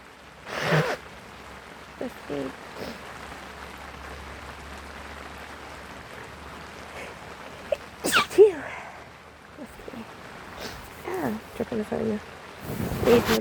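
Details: Several forceful sneezes with short gasps between, over steady rain, from a sick, sniffly person with a cold; repeated sneezing.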